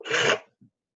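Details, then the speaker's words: Lecturer who is under the weather gives a single sharp, hissy burst of air under half a second; sneeze. "Sorry, I'm a little bit under the weather today, so you can hear me sneezing my nose frequently."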